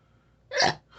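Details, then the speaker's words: Woman (self-described "Hiccup Queen") with a bout of small hiccups while talking, after missing many bigger ones; a single sharp, brief hiccup in a quiet room. "I got hiccups. Just small ones. I missed some of the bigger hiccups."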